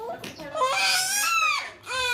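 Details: Newborn in hospital shortly after birth, later on a drip: loud, rising and falling wail in a small room, a strong crying burst between short breaths; an ordinary newborn cry.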